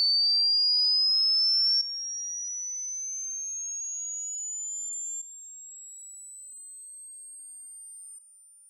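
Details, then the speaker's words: Pure high-pitched test tones rising steadily in pitch and stepping down in loudness at each level, becoming harder to hear; a simulated high-frequency hearing check framed as audible only to babies. "now I will show you different levels of this high frequency sound and at each level it's going to get harder and harder to hear until it reaches the point where only babies can hear it"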